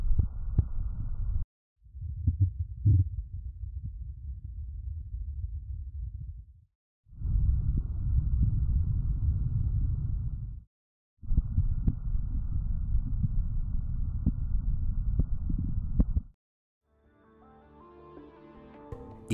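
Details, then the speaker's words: Simulated bowel sounds from the Gaumard HAL S3201 patient manikin over the four quadrants of the lower torso: low gurgling and rumbling bursts separated by brief pauses; audio level adjustable. "Hal has multiple bowel sounds on the four quadrants of his lower torso."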